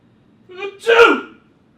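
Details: Single sneeze during blooper filming from someone who says they are a little ill but not contagious: a short breathy intake, then one sharp explosive burst.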